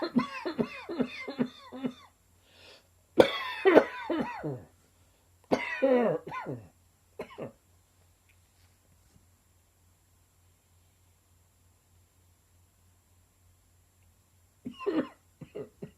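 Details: Bouts of short, harsh, dry coughs with quiet pauses between them, over a faint low background hum; a sudden dry summer cough.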